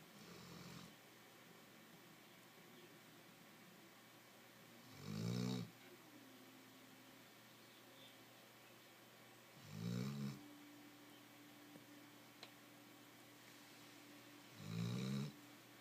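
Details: Pet snoring loudly in a home office: rumbling snores every four to five seconds, about 13 a minute, over a quiet room hum; regular snoring in sleep.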